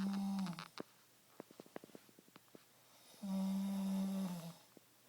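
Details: Adult man snoring every night in a dark bedroom: loud, droning snores with a rattling, fluttery quality in between; ordinary snoring during sleep.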